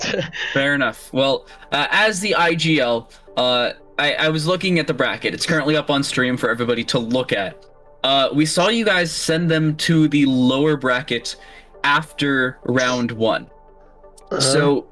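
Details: Adult male speaker; normal voice.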